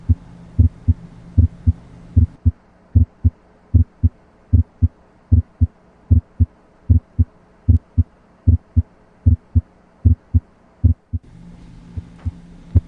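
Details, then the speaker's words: Normal heart sounds, regular lub-dub at about 76 beats a minute, auscultated with the diaphragm at the tricuspid area (left lower sternal border) during a systematic cardiac exam; S1 is loudest at the apex and S2 at the base. "S1 is loudest at the Apex and S2 is loudest at the base of the heart"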